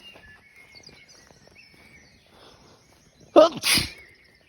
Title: Sneezing Fit (2)